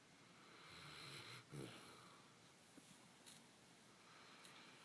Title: snores